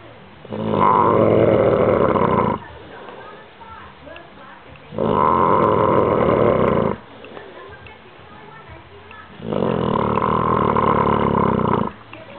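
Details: Old bulldog asleep, so loud he sleeps downstairs in his kennel: three long, loud, rumbling snores at a slow, steady pace with quieter breathing between; heavy snoring.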